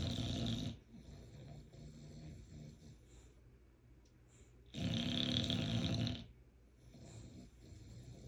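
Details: Loud, rough snoring with long breaths, strongly rattling on some and quieter on others, from a sleeping bulldog with his eyes open; snoring.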